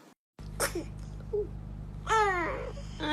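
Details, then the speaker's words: Baby sneezing: a small, sharp infant sneeze followed by soft baby vocal sounds and a brief whimper. "Ay, ay, ay, esos estornudos. God bless you."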